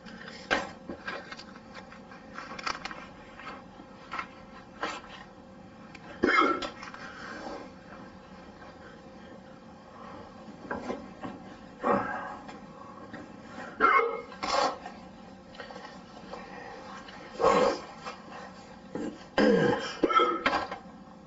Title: Hiccups male(audio only the hiccups 1 file)